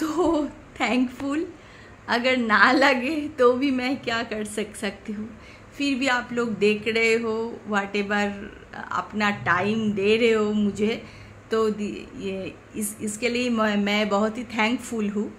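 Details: Woman speaking Hindi who has stammered since childhood, intermittently, worse when tense or angry; stammering (stuttering).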